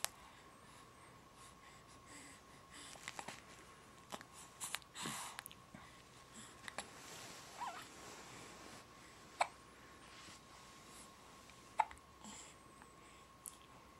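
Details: Hiccups on New Year's Day: faint, sharp, irregular catches repeating every few seconds in a quiet room.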